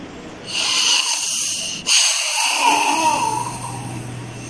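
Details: Forced expiration into a MIR Spirolab spirometer by an adult male during a repeat lung function test attempt: hard, rushing blow of air followed by a second forceful breath.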